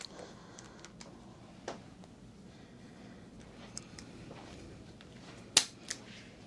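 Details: Chiropractic neck adjustment of an adult woman with hip complaints, adjusting the occiput on the left while she pushes her face down: quiet room, then a single sharp crack with a smaller click, joint cavitation.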